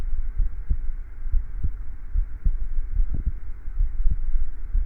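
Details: Own heartbeat recording: steady, regular low thumps about 80 beats a minute over a constant low hum; normal heart sounds.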